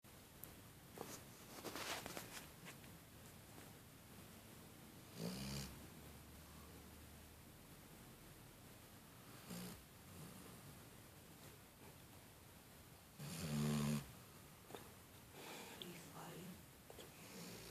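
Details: Sleeping black Labrador dog: soft snuffling snores a few seconds apart over steady room noise; snoring.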